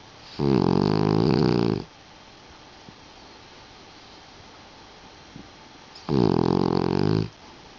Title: Lucy the Puggle snoring...